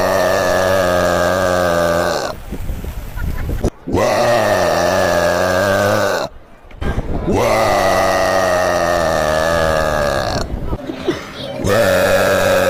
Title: burping pro